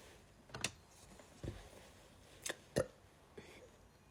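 Several short, abrupt catches of breath, each a sharp hic, repeating irregularly: hiccups.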